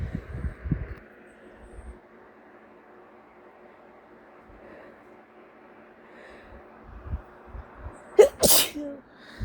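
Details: Person sneezing from cat allergy after sleeping next to a cat: quiet sniffling and stuffy breathing build to a sharp sneeze, then a stuffy sniff.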